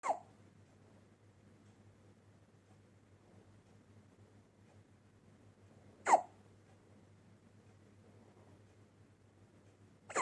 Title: سکسکه نوزاد Baby hiccups